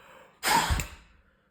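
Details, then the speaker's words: Asthma self-monitoring with a peak flow meter, three breaths morning and evening taking the maximum: one short, forceful blast of breath out into the meter lasting about half a second. "ми вже з вами навчилися дихати три рази вранці три рази ввечері і брати максимальний показник як той показник який нас цікавить"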